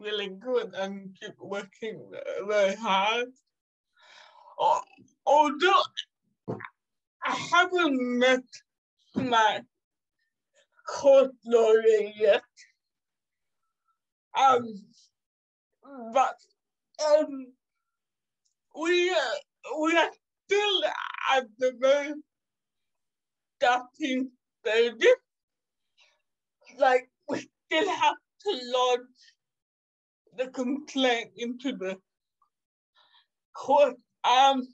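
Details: 27-year-old woman with cerebral palsy caused by severe neonatal jaundice; doctors predicted in childhood she would never walk or talk; she says it makes her sometimes speak and move differently; dysarthria (cerebral palsy).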